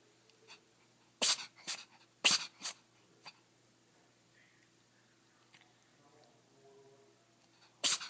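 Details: Cat, a series of short, sharp, hissy sneezes in quick clusters, then a final sneeze after a pause; sneezing.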